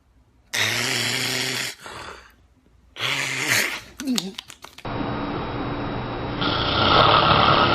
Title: The Funniest Snoring Compilation 2013